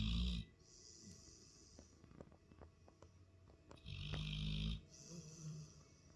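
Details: Labrador dog asleep on the couch while a show plays: loud, low rattling snores on each breath, about two in six seconds, with faint background music.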